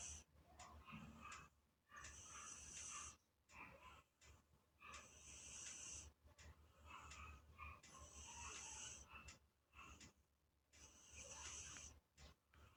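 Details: Loud, raspy, hissing snores in a steady rhythm, about five in this stretch, from a sleeping British Shorthair cat, likened to a human's: snoring.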